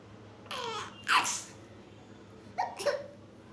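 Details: 4-month-old baby laughing with hiccups; short sharp catches mixed with soft infant laughter and babbling: hiccups.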